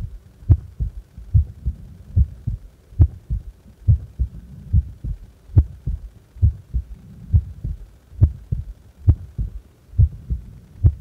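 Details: Resting heart, subject doing nothing: steady low double thumps, regular lub-dub about 70 a minute, no added sounds; normal heart sounds.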